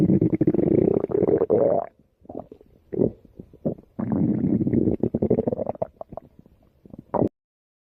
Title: My Stomach Growls (2019 Video)